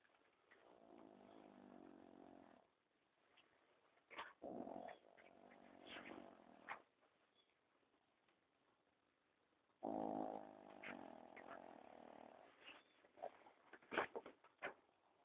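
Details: Sleeping affenpinscher dog snoring around midnight: two drawn-out, buzzing, rattling snores with quiet rustling between them.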